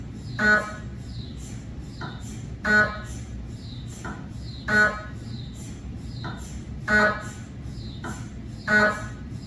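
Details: Repeating loud buzzing tones with brief chirps, about 14 bursts a minute: gradient noise of a cardiac MRI scan on a GE 3T scanner, 8-channel cardiac coil with test phantoms, recorded in the MRI room.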